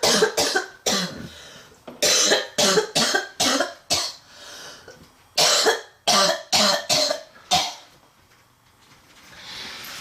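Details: Girl in a relentless coughing attack gives harsh, deep, violent coughs in repeated bouts, about fifteen in ten seconds, with loud wheezing and noisy, struggling breaths between them.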